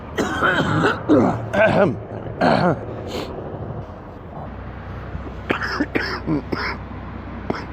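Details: Adult man sick with an extremely stuffy nose gives a deep, wet, horrible cough: a wet productive cough.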